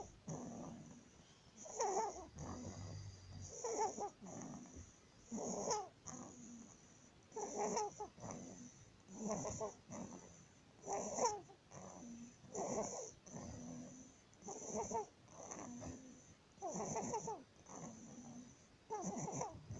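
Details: 19-day-old baby with laryngomalacia: inspiratory stridor.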